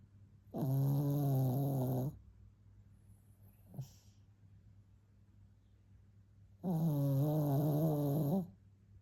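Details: Pampered pet dog snoring: two long, loud, buzzing snores over a second each, separated by a quiet pause.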